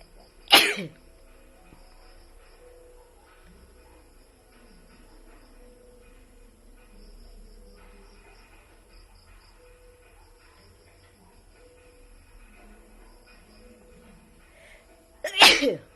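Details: Person sneezing again: two brief, sharp sneezes about fifteen seconds apart, with quiet room noise between them.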